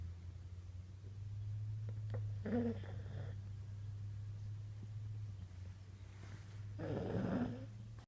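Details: Sleeping boxer dog snoring and dreaming: two rattling snores several seconds apart over a steady low hum.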